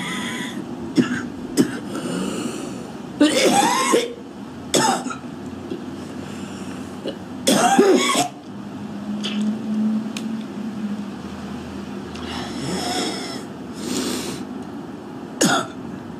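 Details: Young woman smoking outdoors in extreme cold (about minus 20): repeated harsh wet coughs, throat clearing and hocking with spitting of phlegm, over traffic noise; a smoker's cough.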